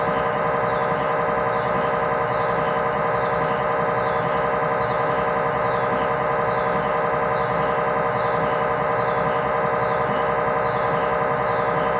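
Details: MRI tibia/fibula (lower leg) test scan in a controlled environment, using a GE high-definition lower-extremity coil (stated as 8- or 16-channel): loud, steady, rapidly repeating mechanical knocking, about 90 pulses a minute; scanner acoustic noise.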